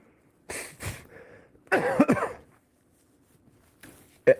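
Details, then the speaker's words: Adult with a productive cough, recovering without any medication: several loose, wet, rattly cough bursts moving mucus; phlegm now comes up more easily and the earlier central chest burning is gone. "as you can hear the cough is still clearing it's still clearing but one thing has changed it gets a little better"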